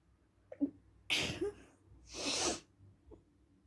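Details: Sneezing after deliberately sniffing perfume the person is allergic to: two sharp, explosive sneezes about a second apart, preceded by a small catch of breath.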